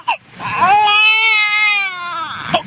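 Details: A 2-month-old baby girl cries because her father is out of her sight: a sustained, clear infant wail with a brief catch at the start and end, an ordinary baby cry.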